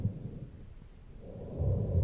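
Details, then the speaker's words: Low-pitched, rumbling, snore-like breath sounds from the chest: rhonchi from secretions in large airways, as seen in bronchitis. "in large Airways as seen in bronchitis"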